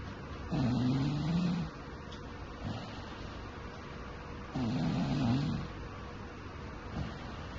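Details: Snoring recorded in the Philippines: two low, rattling snores on breathing in, about four seconds apart, with quiet breathing between them; ordinary snoring.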